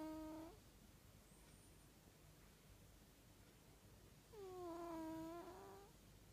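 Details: George the cat sleeping and snoring.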